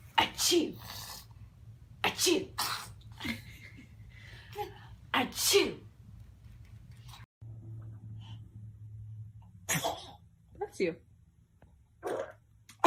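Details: Several short, high, breathy sneezes in a row from babies, with adult voices saying bless you in the background; baby sneezes.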